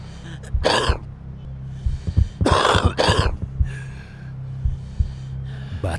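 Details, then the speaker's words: Adult smoker's cough: three harsh, noisy coughs, two in quick succession, over a low background hum. "Batuk seorang perokok tidak hanya menandakan rusaknya paru-paru."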